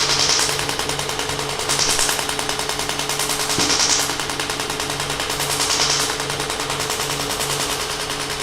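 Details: Extracorporeal shockwave therapy applicator applied to an adult's back. The subject reports feeling almost nothing. A rapid, steady train of sharp mechanical clacks as the device fires, with faint music behind.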